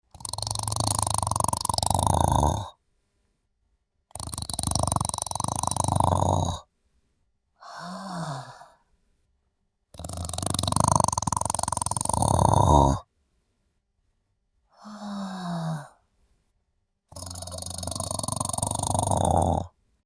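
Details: Sleeping person: loud, rough snores of a few seconds each alternating with shorter squeaky breaths of falling pitch, in a quiet room; snoring.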